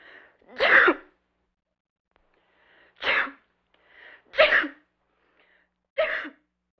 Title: Sneezes Woman sound Effects